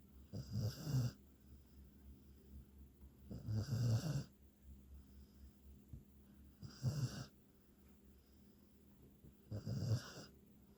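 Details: Hunter the beagle, a dog, snoring: four rattling snores about every three seconds, around 20 a minute, with quiet breathing between them.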